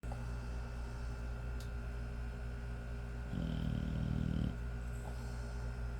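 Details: 5-month-old American Bully puppy asleep, giving one low rattling snore over steady room hum; ordinary sleep snoring.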